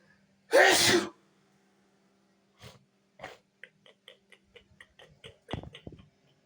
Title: Big Sneeze and Extra Nose Sniffing #sneezing